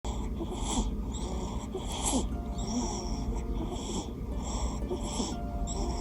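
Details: Sleeping newborn baby boy: repeated raspy, hissing breath noises with each breath over background music. Noisy, snoring-like breathing, and parent asks whether it is normal.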